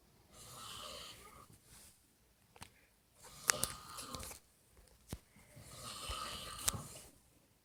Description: Probably the loudest snore ever...